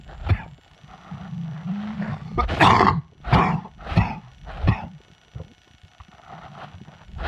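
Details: An adult with a summer chest cold gives a run of about four harsh, forceful coughs.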